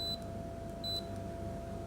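Two short, high electronic beeps over a steady hum, from a dental apex locator used to measure root canal working length.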